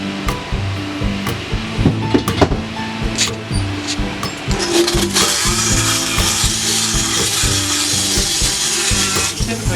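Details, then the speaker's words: Power float with water-injection cooling reducing a horse's teeth during routine dental floating: loud motor hum with rasping, grinding bursts, music in background; faster than a 40–45-minute hand float. "So if we have a lot of teeth to take down, we have power floats with water injection systems on them, so we can actually cool the tooth down."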